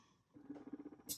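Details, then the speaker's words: Electric breast pump running: soft rhythmic pulsing motor hum cycling suction at a slow setting, brief hiss at end. "Let me bump it up a little bit. I like to start off at 6 and then increase when I can, if I need to."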